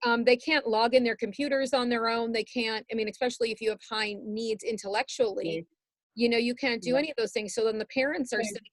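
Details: Adult woman speaking; typical speech.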